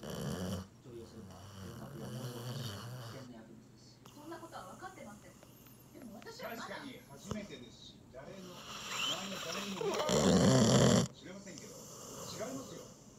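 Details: Labrador Retriever deeply asleep after a meal, leaning against the owner; soft rhythmic snorts with a television talking in the background; ordinary dog snoring.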